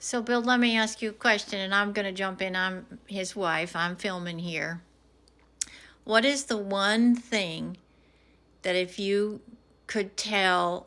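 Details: Adult woman; typical speech.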